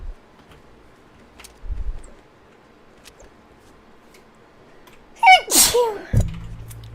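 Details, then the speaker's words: Sneezing in a person with spring allergies while gaming: sharp inward gasp then one loud explosive sneeze, with room noise before it. "Excuse me. Oh, I have to sneeze."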